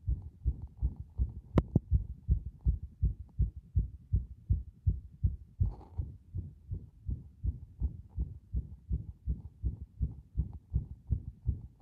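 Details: Heart with very frequent arrhythmic beats: fast heart sounds, roughly 160 a minute, with uneven spacing between some beats, giving an irregular rhythm.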